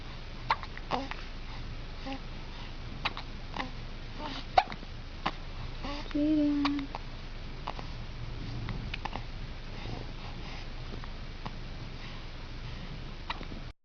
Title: baby march 2010 hiccups